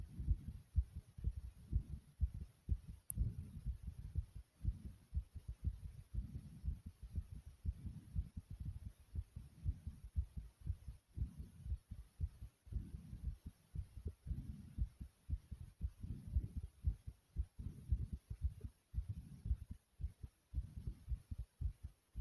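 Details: Heart beating very hard in the chest after squats: loud, deep, rapid thumps at about 118 beats a minute, a forceful heartbeat after exercise.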